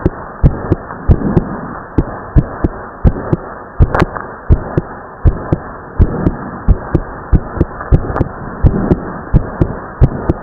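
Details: Male teenager's heartbeat after strenuous exercise: fast, regular heartbeat at about 87 beats a minute over steady hiss and clicks, with a split second heart sound.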